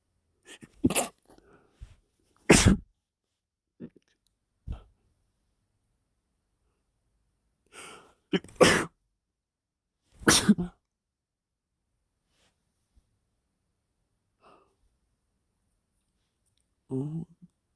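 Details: Wet, somewhat forceful sneezing fit after sniffing chhinkni (snuff): a run of about five explosive, wet-sounding sneezes with short pauses between them.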